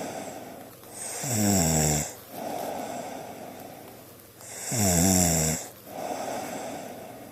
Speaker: This is in case you don't believe me about your snoring.